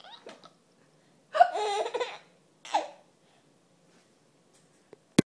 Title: Giggling at moms hiccups!